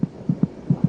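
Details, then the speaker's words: Rapid regular soft thumps, about 150 a minute, from a fetal monitor: a fetal heartbeat, about twice as fast as the mother's. "monitoring the baby's heartbeat gives a good indication of her General condition"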